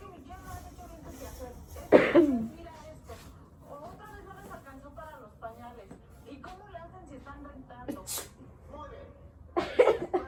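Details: Two forceful faked sneezes from a child pranking a grandmother about coronavirus symptoms, talking in background; acted sneezing, not illness.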